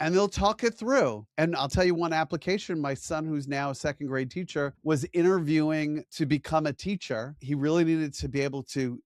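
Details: Adult male speaker; ordinary speech.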